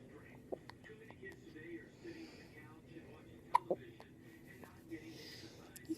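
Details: Infant's first hiccups: soft, quiet room with a few faint, abrupt little catches; hiccups.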